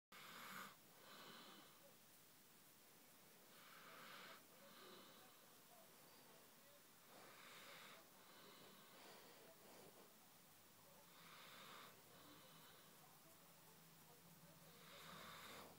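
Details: Ridgeback cross dog snoring while asleep, showing her teeth: slow, rasping snore breaths about every four seconds, roughly 16 a minute, in a quiet room.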